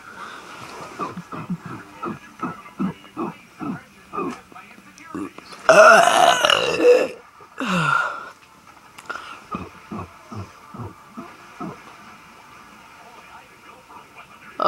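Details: Deliberate burping for a burping contest: two long, loud, rumbling burps between quiet speech-like sounds.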